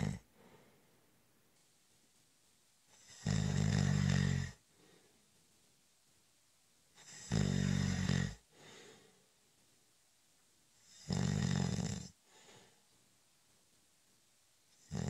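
Loud, regular snores on each breath in, about 16 breaths a minute, with quiet breaths out between them.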